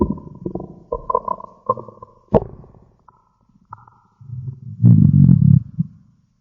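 Irregular gurgles, low rumbling growls and brief squeaks of stomach growling, ordinary bowel sounds.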